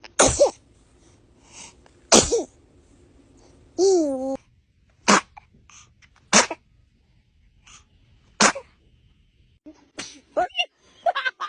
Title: Newborn babies sneezing 🤧 #cute #cutebaby #cutenessoverload #lovely